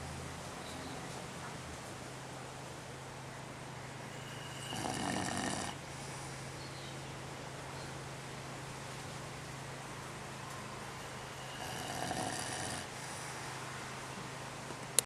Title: BOZLEY'S SNORING even with his eyes open.....